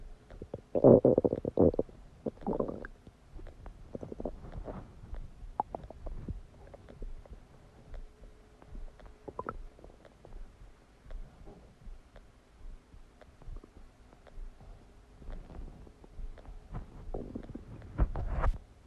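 Quiet gurgles, squelches and bubbling pops with a few louder rumbles; ordinary digestive bowel sounds after a meal.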